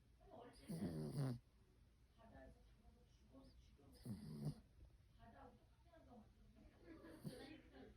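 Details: Sleeping poodle puppy snoring: three rough, rattling snores about three seconds apart with soft breathing between; ordinary snoring.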